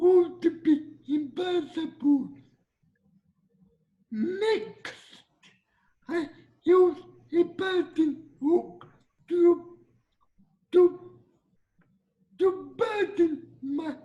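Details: Dysarthria in a 22-year-old man with cerebral palsy, whose speech is noted as different.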